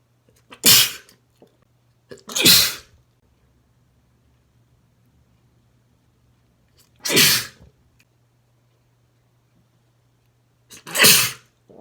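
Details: Male sneezing: four separate sharp, explosive, wet sneezes with quiet pauses between them.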